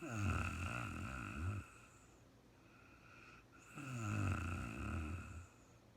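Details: Real-time recording of a woman asleep: loud, low rattling snores on inhalation, two cycles in six seconds, with quiet exhalations between; snoring.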